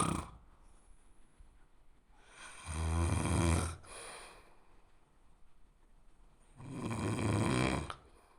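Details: Snoring sound effect: two loud, low, rattling snores on inhalation with quieter breathing out between them, about 15 breaths a minute.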